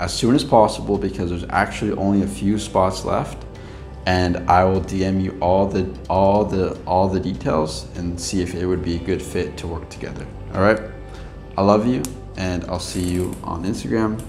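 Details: Adult man who has stuttered much of his life, previously with blocks, and still stutters occasionally with mild repetitions and prolongations; stuttering.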